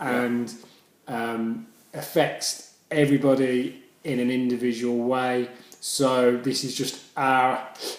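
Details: Adult male speaker; stammering.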